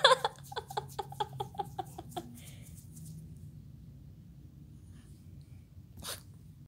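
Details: A dog sneezing: a rapid series of about ten short, snorting nasal bursts, then quiet and one later puff.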